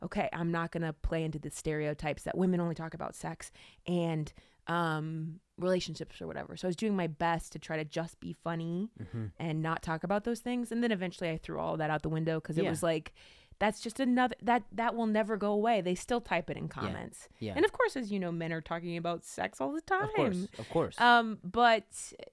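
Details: Adult woman speaking; normal speech.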